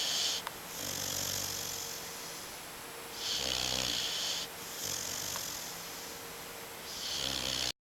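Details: Snoring: a sleeping English Mastiff puppy napping gives rhythmic, rattling snores with a breathy hiss on each breath, against quiet room noise.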